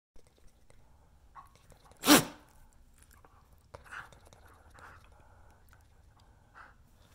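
A single sharp, explosive burst of air through the nose from a small dog, a sneeze, with quiet sniffing and snuffling around it.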